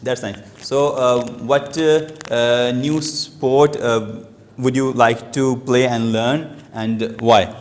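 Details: Adult male who has stammered since age two, giving a speech at a stammering-support public-speaking session; stuttering.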